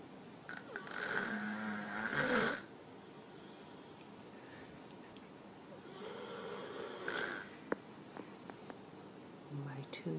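Two loud, harsh, rattling snores about five seconds apart over quiet room noise; heavy snoring in a sleeping toddler.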